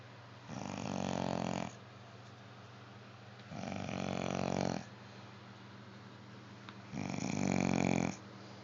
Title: snoring